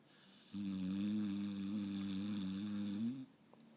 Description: My 5 year old pitbull was peacefully sleeping in my lap, snoring and dreaming of chasing bunny rabbits.